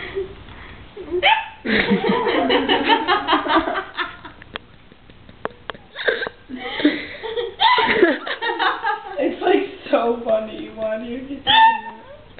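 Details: Laughter and talk broken by sudden, sharp hiccup catches in the voice; a person hiccuping while laughing.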